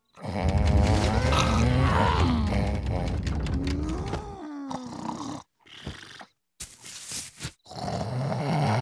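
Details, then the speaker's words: Simulated cartoon snoring by Homer Simpson, who is told he needs surgery: loud, drawn-out, exaggerated rumbling and groaning voiced breaths with brief quiet gaps. "oh I'm so sorry are you snoring while you're awake huh you need that surgery we'll have to call Hardy"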